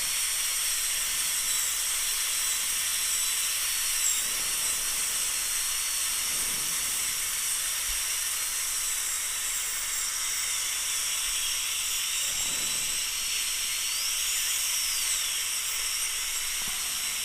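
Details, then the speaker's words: High-speed dental handpiece with a thick bur lightly smoothing ridges from the labial enamel of an upper central incisor (tooth 8), 3/4 porcelain veneer crown prep, deep overbite case; steady high-pitched whine with hissing air-water spray. "so let's take this and just lightly prep and get rid of the ridges so no ridges"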